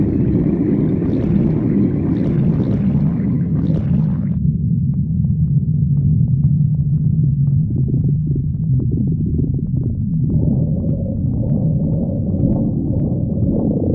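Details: A long, steady, low rumbling growl with shifting pitch, continuous throughout; ordinary stomach growling.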